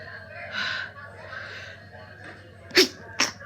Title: Hay fever sneezes while trying to study in Starbucks